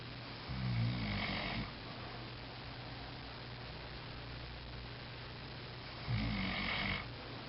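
Two loud, rough, low rattling breaths about five seconds apart over steady room noise: snoring.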